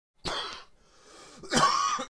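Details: Male cough, recorded as a sound effect.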